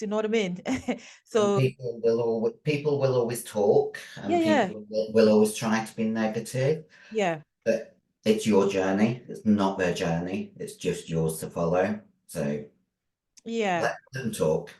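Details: Adult female bodybuilder who took large doses of male steroids (performance-enhancing drugs); voice, formerly very high-pitched, became very deep and she can no longer sing; also has chronic kidney disease: androgen-induced voice deepening (virilization).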